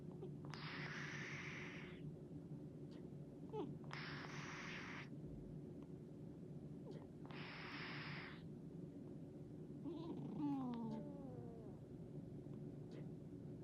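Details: Cute snoring: three soft, breathy, drawn-out snores about every three seconds over a steady hum, with a brief squeak later.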